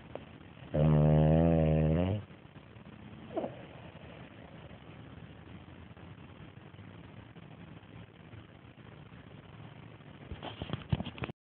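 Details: Snoring from Betty, a French bulldog, recorded on an Android phone.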